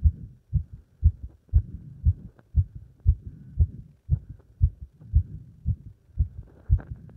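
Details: Heart sounds after leapfrog exercise: fast, regular heartbeat at about 118 beats a minute with clear thumps; normal heart sounds after exercise.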